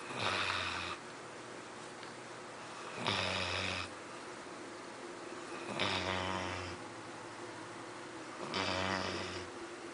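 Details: Labrador dog snoring loudly while asleep after a busy day, slow to wake: rattling snores about 22 a minute, each followed by a quieter exhale.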